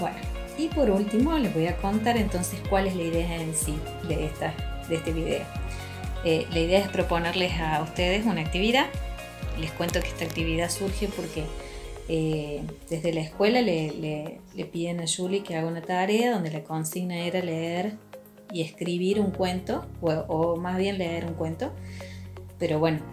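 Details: Adult woman speaking Spanish; ordinary speech.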